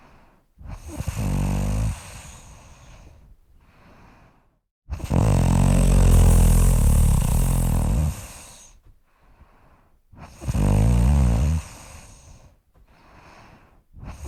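Loud, deep, rattling snores on each in-breath with quieter out-breaths, about 12 breaths a minute. Heavy snoring.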